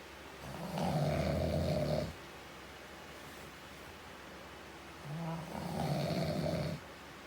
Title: This is my dad snoring